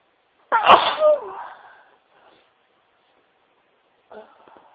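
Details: Adult sneezing into tissues: one loud, explosive sneeze with a sharp onset and trailing breath, then a brief muffled sound.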